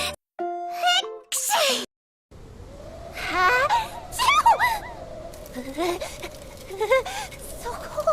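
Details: Animated character Aqua from the anime KonoSuba sneezing: a voiced cartoon sneeze with music and chatter around it.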